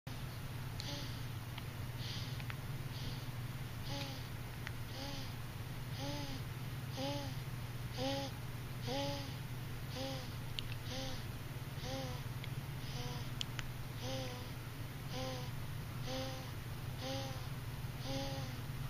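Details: Heavy breathing in a child: loud, noisy, laboured-sounding breaths with a voiced catch on each one, about 60 a minute, over a steady low hum.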